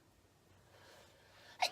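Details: A singer, who says she has a stuffy, runny nose from a head cold or allergy, gives a quiet breath-in followed by a single sharp sneeze at the end; sneeze.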